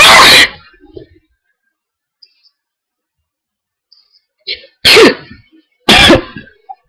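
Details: Hay fever attack: three loud, explosive sneezes, one then a pair about a second apart, each with a sharp burst of air; allergic sneezing.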